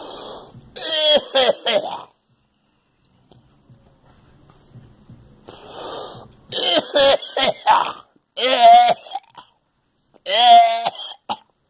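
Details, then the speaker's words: Bursts of harsh, wet-sounding coughing with throat clearing and strained breaths; persistent productive cough bringing up clear phlegm, which the person says has lasted since the flu shot; productive cough. "It's part of all its phlegm. But damn it. Oh, man. It's part of all its phlegm. Damn it. This fucking cough will never go away."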